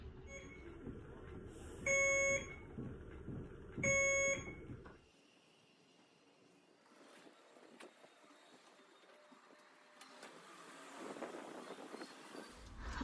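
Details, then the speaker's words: Two loud, sharp electronic beeps about two seconds apart over room noise, from an IV infusion pump as the patient's infusion finished; infusion pump alarm. "it's literally you just sit there for a little bit with an iv in your arm and then sometimes it beeps for no reason i was wondering if that was going to happen"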